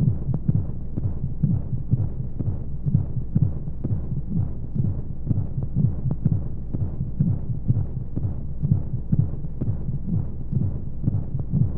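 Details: Womb sound for baby sleep: regular, low, thumping heartbeat at about 125 beats a minute under a steady whooshing white noise and monotonous flowing sounds. Heartbeat.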